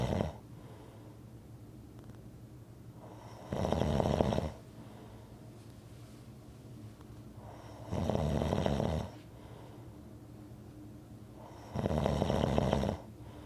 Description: Rhythmic snoring audio to relax to